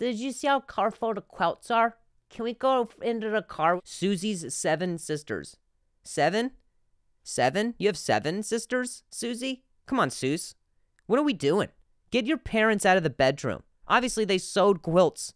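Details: Adult male stand-up comedian who stutters and is in speech therapy attempts a tongue twister from his therapist's exercise list, with sound and word repetitions; stuttering.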